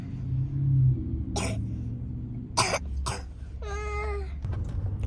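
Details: Child with asthma, travelling by car, coughing: three short coughs then a brief voiced sound over car engine rumble; mother calls it an ugly cough.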